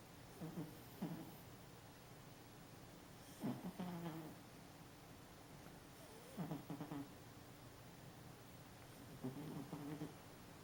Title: Molly snoring and dreaming